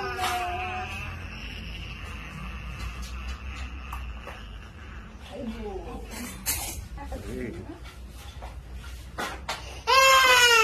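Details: Baby boy's pain cry after an injection: adult talk and room noise, then a sudden loud, high wailing cry.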